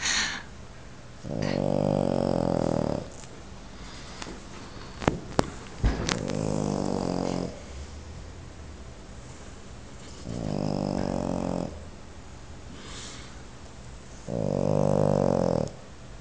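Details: Snoring during sleep: four loud, buzzing, rattly snores about four seconds apart, roughly 15 breaths a minute, quiet exhalations between.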